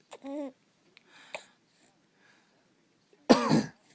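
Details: Cough: a short squeaky voiced sound, then one loud, harsh, explosive cough in a quiet room.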